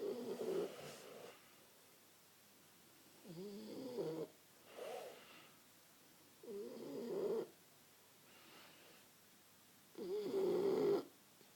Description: Bosie resting and struggling for oxygen as usual.